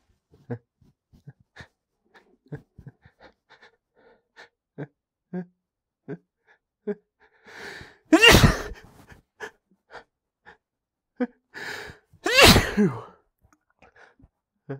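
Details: Allergy sneezing that has been going on for about the last week: quiet sniffs and catching breaths build up to two loud, explosive sneezes, each preceded by a hitching inhale.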